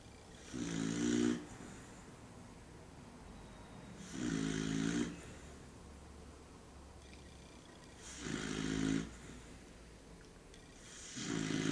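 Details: Dog snoring in a small room: slow, regular, buzzing snores about every four seconds, roughly 15 breaths a minute, with quiet gaps between.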